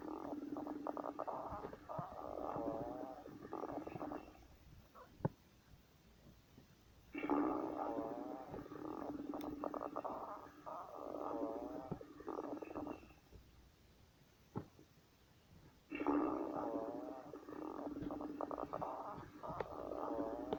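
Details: Stomach growling: long gurgling, bubbling rumbles in bursts of several seconds. Borborygmi.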